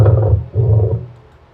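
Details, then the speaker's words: Lung sound example of a pleural friction rub: two loud, deep, grating rubbing sounds, one with each breath phase, from inflamed pleural surfaces rubbing, as in pleuritis. "Next sound, pakinggan natin. Friction rub. Grug, grug, grug, grug. Lakas ng tunog."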